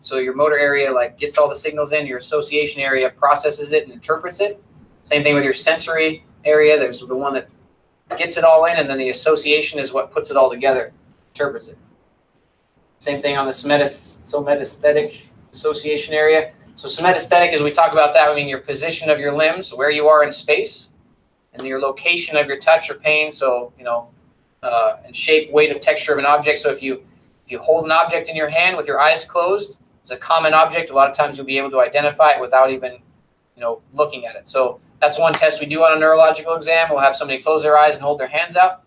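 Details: Adult lecturer; Normal speech.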